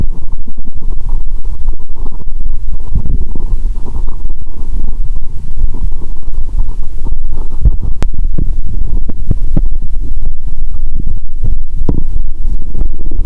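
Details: Loud, continuous low gurgling and rumbling with crackly bursts through a stethoscope, lying down after cola with Mentos; no sloshing or popping heard, perhaps because of too much liquid: active bowel sounds.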